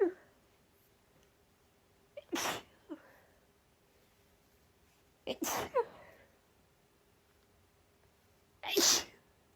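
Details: Female, harsher urgent sneezes that came as a surprise: three forceful explosive sneezes, each after a short sharp in-breath, in a quiet room.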